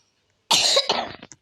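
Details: A single harsh cough burst with a brief trailing throat sound, from a speaker who is sick with fever, cough and a runny nose.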